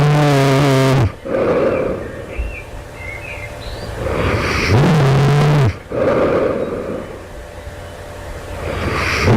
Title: loud snoring right before awakening, this night. do it sounds like i developing sleep apnea?